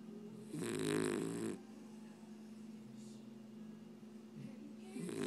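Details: Snoring in a Scottish Terrier: a long rattling breath against steady background hum, then quieter breathing and a second rough breath at the end.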